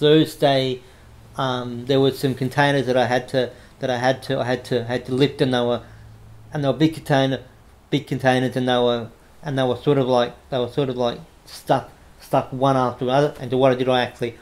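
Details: Adult man with cerebral palsy after severe meningitis in infancy, right arm and leg affected, says he has a bit of a stutter he controls by calming down; repetitions of words and phrases audible; stuttering.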